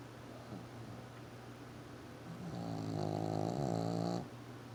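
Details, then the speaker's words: Dog snoring while asleep, with its tongue sticking out as the owner calls its name. "Wallace. Wallace. Why are you snoring? Don't stick your tongue out at me."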